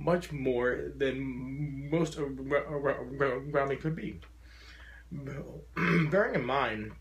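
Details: Adult man who describes his stutter as very profound, wearing a SpeakEasy in-ear device while speaking to a stuttering support group; stuttering.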